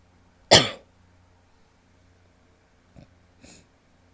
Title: wet coughs (f)